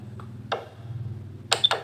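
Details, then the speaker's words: Simulated heartbeat-like pulse from a BabyPlus prenatal education device, its speaker in a pouch worn below the navel during pregnancy, at level 1 of 16 (quietest): soft, sharp tapping pulses over a steady low hum. "Untuk suara detak jantungnya ini dari level 1 sampai 16, awal mulanya tuh suaranya pelan, terus lama-lama makin kencang."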